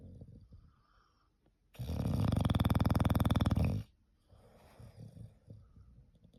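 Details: English bulldog snoring: one loud, harsh, rapidly fluttering, rattling snore lasting about two seconds, between quieter breaths.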